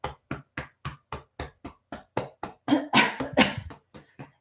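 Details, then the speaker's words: Cupped-hand chest percussion, a DIY lung-draining technique: rapid hollow claps about four a second, patting the sides of the chest to loosen mucus (coughing may follow), with a brief noisy breath. "you cup your hands like this let's start up here and you literally like it's kind of a boulder impact where you're you're just you're really cupping your hands and padding the sides"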